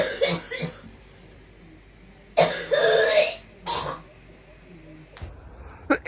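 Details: Several short, harsh coughs in quick bursts, some with throat clearing, against faint room noise, from a cough compilation.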